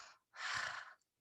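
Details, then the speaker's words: Adult imitating a slow, deep breath in and out to show the calm, rhythmic pattern of normal breathing, in contrast with newborn periodic breathing. "I think you know we're all familiar with our breathing pattern it's very rhythmic it's very calm it's very normal"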